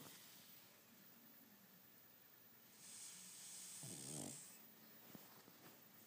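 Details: Pug dog snoring in sleep: soft, hissing breaths with a short rattling snort on one breath.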